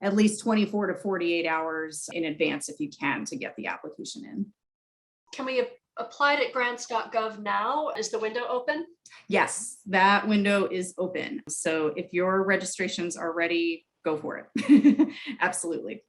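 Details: Adult women speaking; typical speech.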